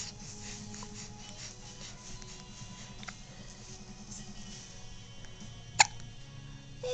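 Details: Single sharp, abrupt hiccup from a girl in the morning, heard over steady background music in a quiet room; hiccups.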